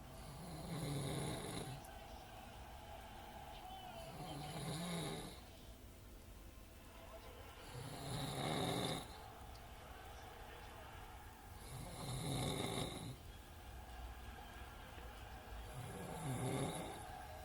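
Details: Loud, rhythmic, rattling snores with a hissing edge, about 16 per minute, separated by quieter pauses, from a grown man described as drunk, asleep; snoring.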